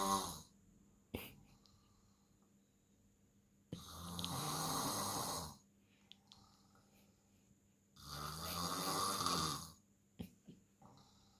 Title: Big snoring guy